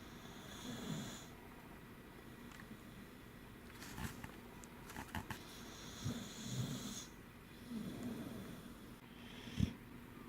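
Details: Soft low rumbling snores recurring every couple of seconds over room noise with occasional clicks; snoring.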